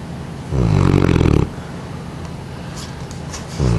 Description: One of our Neapolitan Mastiffs, Tootsie, 6 years old and 153 pounds; she snores pretty loud, then I wake her up and she's too tired to move.